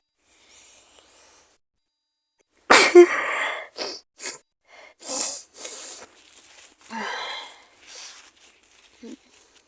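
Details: Adult with an awful cold, maybe flu, with fever: a loud sneeze, then several short coughs and congested sniffing; sneeze and cough with a cold.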